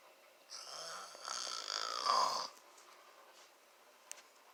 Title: FILMED MY DAD SNORING (WHILE CHUGGING 2 LITER OF DR PEPPER ) * GONE WRONG*